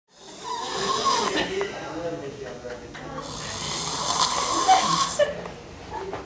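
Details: Loud, rough, hissing snores over room noise with background voices; snoring.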